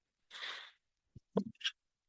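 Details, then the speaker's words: The speaker's own mechanical ventilator in a quiet room: a half-second rush of air, then a few soft mechanical clicks and thumps, one breath cycle. "my name is and Mar that noise you're hearing a ventilator thank"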